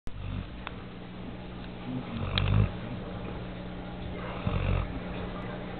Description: Nala at 7 months. Snoring.